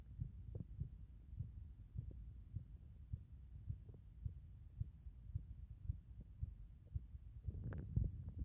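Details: Heart sounds recorded with the chest pulled in three times: soft, low, regular heartbeats about 70 a minute under a steady low hum, with some rustle near the end.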